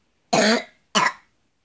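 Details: Coughing.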